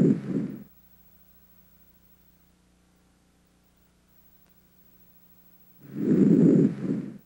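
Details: Normal breath sounds heard through a stethoscope over the anterior chest during a respiratory examination: two soft, rushing breaths with a quiet pause between.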